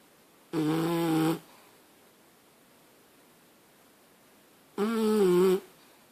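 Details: Snoring: two loud, droning, buzzy snores about four seconds apart, each lasting under a second, with quiet between them.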